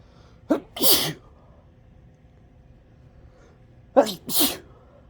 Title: sneezing and nose blowing